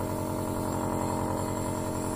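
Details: Dr Trust 401 compressor nebulizer switched on, with the medication chamber attached: a steady mechanical hum with a rapid, regular pulsing throb from the running compressor motor.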